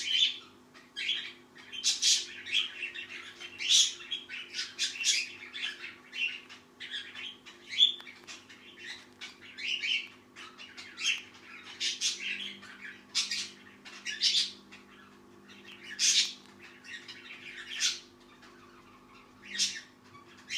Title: sleepy crackles